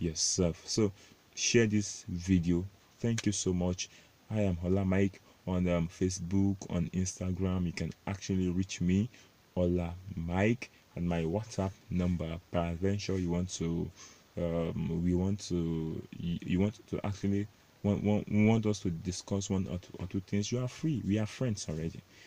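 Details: Adult male self-described stammerer, proud of it, speaking English; stuttering.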